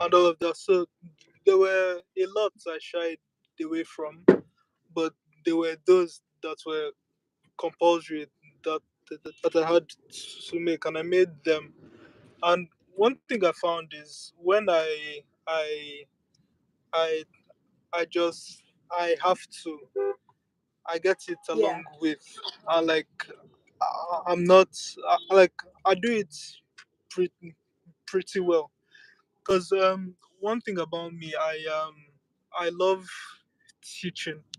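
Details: Stuttering since earliest memory in a 23-year-old Nigerian man, worse in childhood and improved over the years, with a family history (father and uncle also stammered); word repetitions heard.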